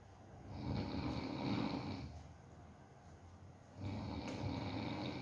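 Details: Pet dog asleep, owner checking whether it really snores: two long, rattling inhaled snores separated by a quieter exhale.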